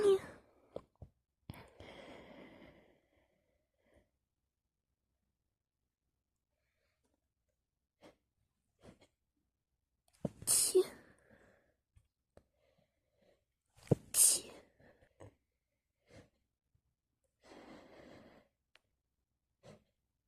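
Two sharp, explosive sneeze bursts with soft breaths and small sounds between them in a quiet room.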